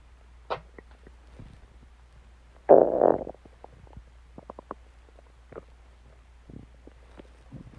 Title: Stomach Growling Sounds